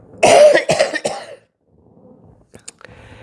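An adult gives a short run of three harsh coughs and clears the throat, then falls quiet.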